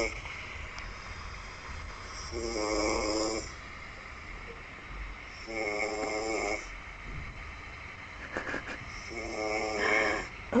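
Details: Sleeping person snoring, recorded by a companion: three loud, rattling snores about three seconds apart over steady room noise.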